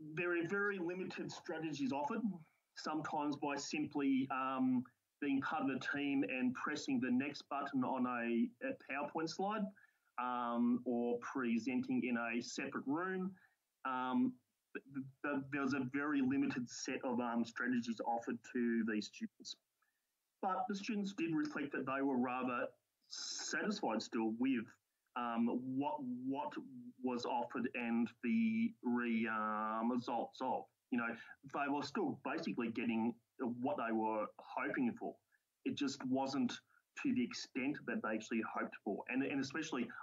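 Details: Stuttering in an adult male university lecturer who counts himself among people who stutter; real, not acted.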